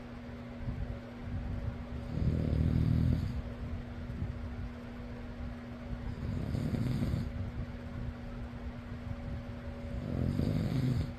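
Three loud, rough snores about four seconds apart over a steady fan hum; ordinary sleep snoring at roughly fifteen breaths a minute.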